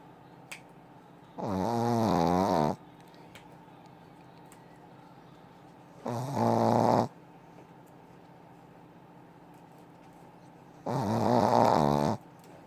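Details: Three loud, buzzing, vibrating breaths spaced several seconds apart, about 13 a minute, with quiet between; rhythmic snoring in sleep.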